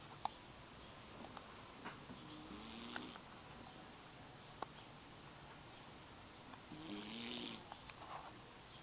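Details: Sleeping pet cat snoring softly and faintly, with two rattly breaths against steady room hiss.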